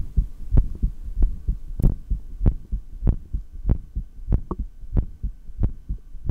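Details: Regular thumping heartbeat at about 95 beats a minute through a stethoscope, clear with no breath sounds during a held breath, from a single take of exhaled and inhaled breath-holds.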